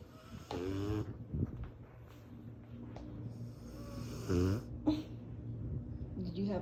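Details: Snoring in a sleeping 1-year-old Cane Corso dog: two loud rattling, buzzy breaths with short snorts between them, in a quiet room.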